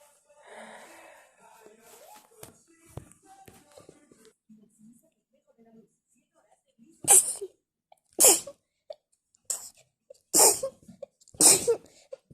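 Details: Wet, messy sneeze attack: after soft sniffing and inhaling, five loud, wet sneezes follow in quick succession; a sneezing fit.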